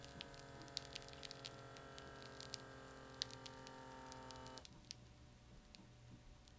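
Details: Omron BP769CAN upper-arm blood pressure monitor: steady motor hum of the cuff pump inflating, then stopping with a soft air release as the cuff deflates; measured pulse about 63.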